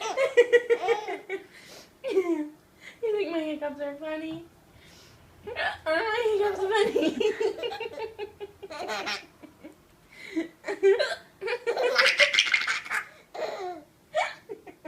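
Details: An aunt's hiccups, sudden sharp voiced catches, break into her talk while a baby laughs along. Hiccups.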